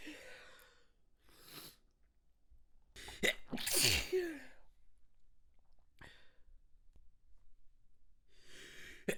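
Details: Adult's manually induced, stifled sneeze: sharp inward breath, then a loud burst with a voiced rising squeal breaking through, followed by quieter breaths.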